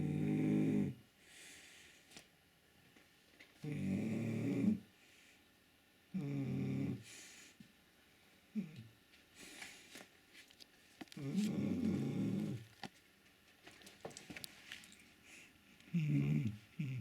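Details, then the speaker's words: Shar-Pei dog asleep, warmed up next to a radiator, snoring: loud, rattling, low snores in slow, regular cycles with quiet pauses between; about five snores. "Друг ты Что храпишь тут так А ты что так храпишь пригрелся возле батареи храпишь тут"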